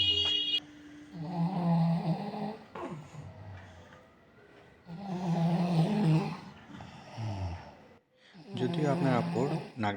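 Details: Adult woman, mother of three, snoring in deep sleep at about 4 a.m. on a winter night, reportedly from tiredness.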